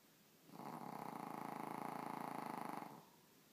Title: Bunny snoring